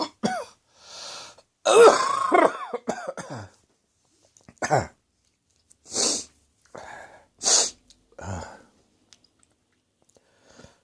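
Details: Adult choking and coughing after spicy Indian takeaway curry, eaten after an evening of beer, irritated the throat: a run of harsh, strained coughs and gagging, choking sounds, with sharp explosive bursts between pauses.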